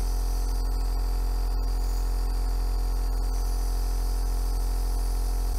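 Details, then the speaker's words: Steady loud motor hum and buzz of a low-cost compressor nebulizer generating aerosol from normal saline 0.9% during a self-demonstration with the mouthpiece pipe; nebulizer running. "i can use the pipe for example and i'll put the pipe and then this would generate aerosol that comes out that way"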